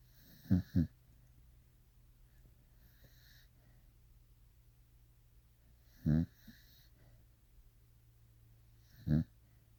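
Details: Corgi asleep and dreaming: short, low snorting snore bursts at irregular intervals with quiet room noise between; snoring during sleep.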